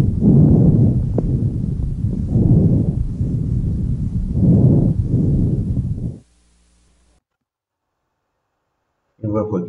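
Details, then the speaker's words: Bronchovesicular breath sounds by stethoscope on the chest during deep open-mouth breathing: higher pitch and intensity than normal vesicular murmur, inspiration equal in length to expiration, clear pause between them; normal in second intercostal space anteriorly. "αναπνοή είναι ήχος υψηλότερης χρείας από το φυσιολογικό αναπνευστικό ψιθύρισμα μεγαλύτερης έντασης η εισπνοή έχει την ίδια διάρκεια με την εκπνοή"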